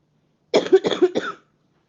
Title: Coughing